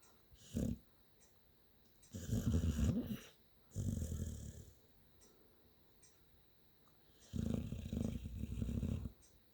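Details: Sleeping dog snoring: loud, low rumbling snores in long drawn breaths, separated by quiet pauses.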